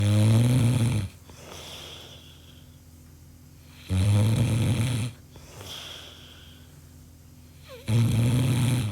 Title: Snoring Sound effects (Free Real Sfx)